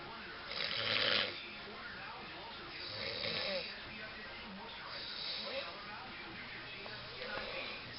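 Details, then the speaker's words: Adult woman (mom) snoring loudly while asleep in the dark: loud, rattling snores on breathing in, about four in eight seconds, separated by quieter pauses; heavy snoring. "Now it's time to go to the lady that snores a lot. Snores really loud."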